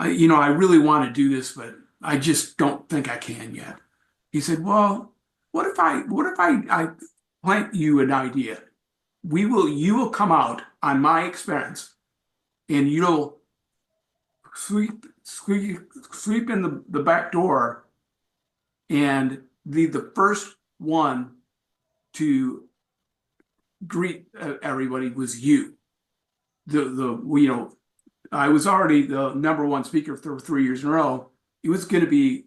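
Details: Adult with aphasia from a traumatic brain injury in a bike accident about four and a half years earlier; about a month in coma; had speech therapy and still has aphasia; real speech at an aphasia support group.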